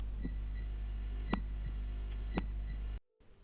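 Crisp paired lub-dub beats at about 57 a minute, with no murmur: normal heart sounds.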